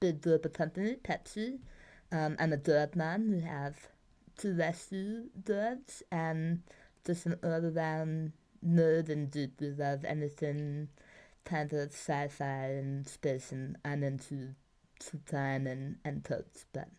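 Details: Adult woman treated for two bouts of tongue cancer with surgeries, chemotherapy and radiation, with communication difficulties; articulation impairment after tongue cancer treatment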